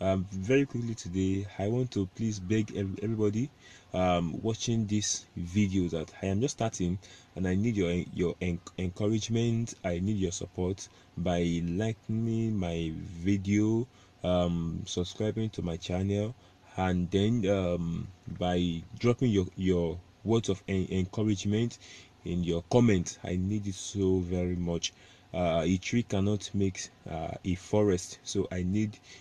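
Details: Adult male who states he is a stammerer; stuttering.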